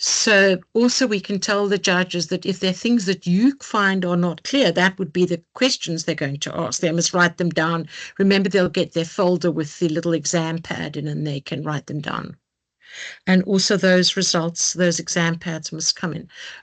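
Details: Adult woman speaking; ordinary speech.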